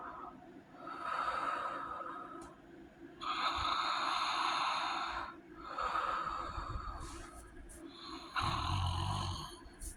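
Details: Loud, rough snores repeating about every two and a half seconds from a sleeper with sleep apnea; heavy snoring with sleep apnea.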